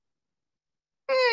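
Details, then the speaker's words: Brief, high, musical whine voiced in imitation, not recorded: the Gallavardin phenomenon of severe aortic stenosis, a murmur that turns musical toward the apex. "that's called a gallivardin phenomenon of severe aortic stenosis"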